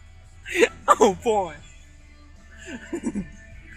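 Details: Grandmother sneezing: a loud, drawn-out voiced sneeze followed by softer vocal sounds, with background music.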